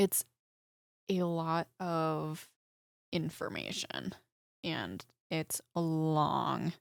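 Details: Woman, about 25, with aphasia after a stroke at age 14, 11 years ago; right-side hemiparesis, eight head surgeries; aphasia.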